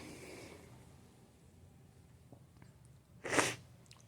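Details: Hay fever sneeze after smelling a flower that triggered intense allergy; quiet breathing, then one sharp, explosive sneeze.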